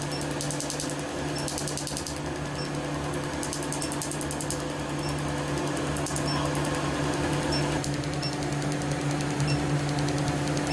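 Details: Q-switched laser tattoo removal: rapid bursts of sharp snapping pulses, about three per second, over a steady machine hum as the laser fires.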